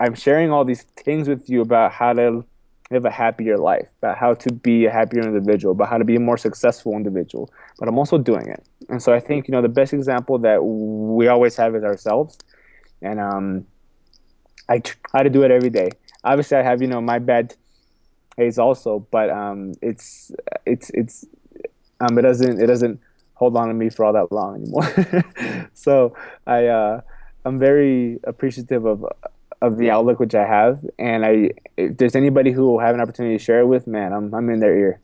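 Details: Adult man with a self-described stuttering problem, which he has accepted and spoken about publicly; stuttering.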